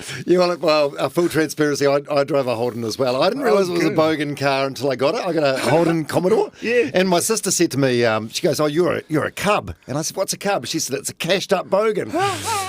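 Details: Adult male speaker; typical speech.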